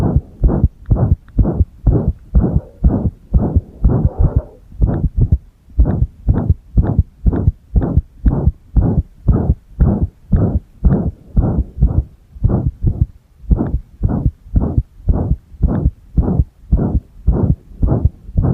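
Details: Pressed-chest heart sounds: loud, muffled beats about 120 a minute with uneven spacing, irregular heartbeat (arrhythmia), recorded alongside a single-lead electrocardiogram.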